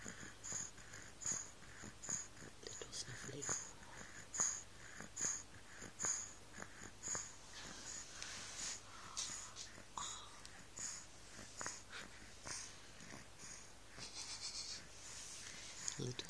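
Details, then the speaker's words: Sleeping baby with a cold: soft, regular snuffly nasal breaths with a faint whistling edge, about 70 a minute, from a blocked nose. "snuffly thing. Got a little cold."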